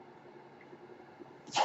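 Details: The podcaster's own home mechanical ventilator: a faint steady mechanical hum in a quiet room, ending in a brief soft whoosh of air.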